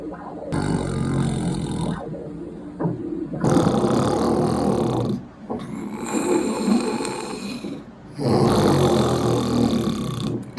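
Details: Patient lying down during a carotid ultrasound, snoring: loud, rough, rattling breathing in repeated long cycles of about three seconds each; heavy snoring.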